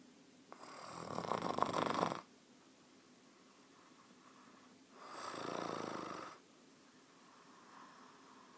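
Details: Bed partner snoring, likened to a grizzly bear and blamed for the recorder's poor sleep: two loud, rough, rattling snores about four seconds apart, with quieter breathing between.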